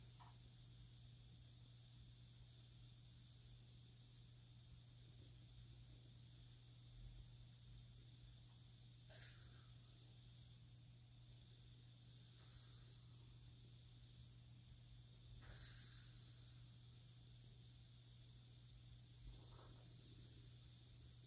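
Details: Snoring during sleep, with soft airy puffs of air blown out through the lips recurring every few seconds.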